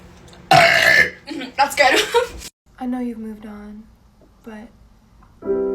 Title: Girls burping compilation №3